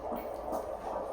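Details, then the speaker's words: Quick regular rhythmic whooshing pulse of an unborn baby's heartbeat heard on a Doppler monitor, baby moving around; fetal heartbeat. "Hear that? It's a baby's heart."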